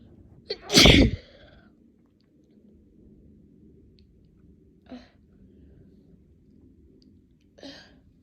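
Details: Sneezing in a person: one loud, forceful sneeze, then a few soft sniffs and nose sounds in a quiet room.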